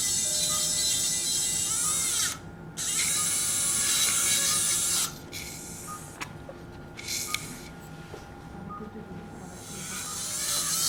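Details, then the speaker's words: Diamond bur surgical drill whirring in high-pitched bursts while drilling ear canal bone during transcanal revision tympanoplasty for severe tympanic membrane lateralization after several previous operations; chosen over cutting bur as safer for the tympanic membrane. "here PR and as usually you can see I'm using a Diamond D bur I don't like to use a cting bur takes more time but I think it is safer especially for the uh TM"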